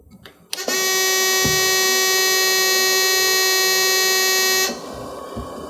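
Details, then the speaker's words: AirSep NewLife Intensity stationary oxygen concentrator: loud, steady buzzing alarm for about four seconds right after switch-on, normal during the initial warm-up period; start-up alarm. "notice that the unit's going to alarm which is perfectly normal initially"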